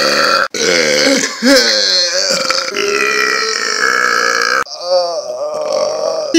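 Several long, loud, rumbling belches with a brief pause between them, a run of burps.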